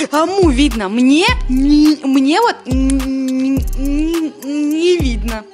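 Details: Female streamer, speaking Russian, who says she stutters on every word and has medical documents; another speaker accuses her of faking it; stuttering.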